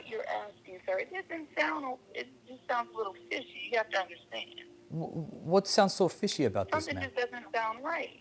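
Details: Adult speakers in a phone conversation; ordinary conversational speech.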